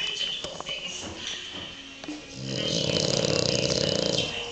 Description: This is Chila, a french bulldog, snoring while sleeping!